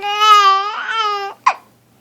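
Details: Infant with hiccups, kicking his feet in a bathrobe and unhappy about them, gives a brief tonal fussing cry followed by one short, sharp catch in the breath: infant cry during hiccups.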